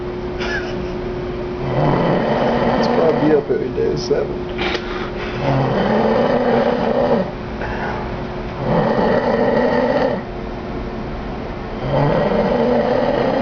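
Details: Sleeper snoring every night: loud, harsh, rattling snoring with long drawn breaths, about four cycles in thirteen seconds, over room hum; snoring.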